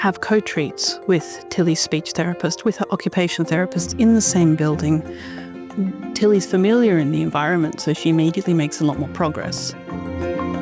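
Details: Adult woman; typical adult speech.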